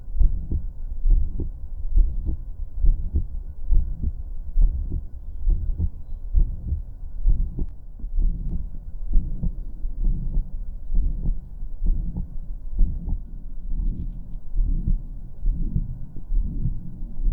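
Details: Real heart murmur, adult heartbeat through a stethoscope: about 68 a minute and slightly uneven, with a soft murmur between beats.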